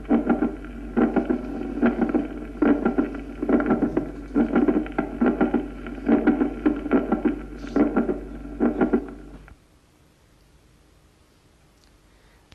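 Regular heartbeat at about 71 a minute; each beat has an extra sharp sound in mid-systole between the two heart sounds, a mid-systolic click of mitral valve prolapse.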